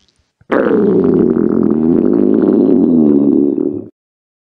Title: Records Her Cute Stomach Growls